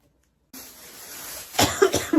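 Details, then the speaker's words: Woman who says she is still sick and could not sleep, coughing while talking: a breathy, noisy inhalation followed by a short run of about four rough coughs; cough during illness. "Ai. Nossa. O vídeo vai ser a maior parte do vídeo tossindo."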